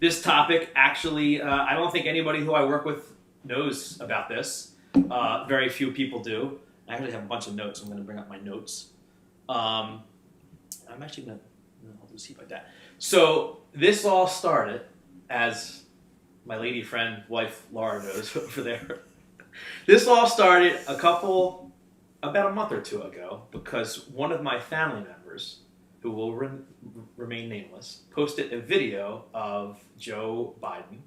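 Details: Adult man who has stuttered since childhood and works in sales and as a wedding MC, speaking in a live conversation; adult stuttering.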